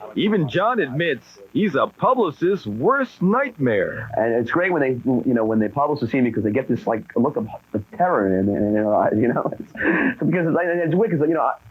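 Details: Adult man who has stuttered since second grade (childhood onset), in a TV feature; part-word and word repetitions, consistent with stuttering.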